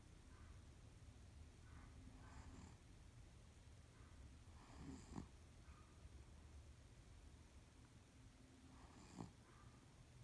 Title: Charlie snoring